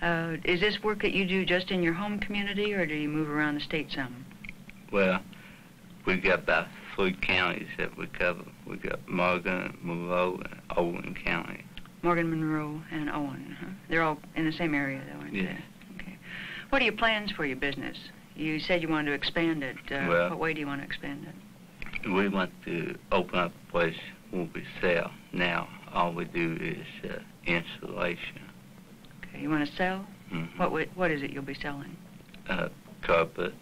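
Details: Adult man in speech clinic whom people ask to repeat on telephone calls, slowing down helps; articulation disorder (reduced intelligibility).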